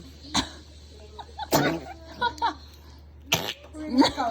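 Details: Pet dog sneezes, then coughs, then yawns: a few sharp, brief sneeze and cough bursts, with a person's voice faintly in the background.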